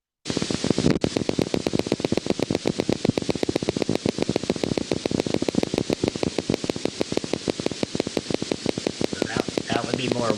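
Steady, regular clicking over a hiss on needle EMG: grade 1+ fibrillation potentials, spontaneous firing of denervated muscle fibers.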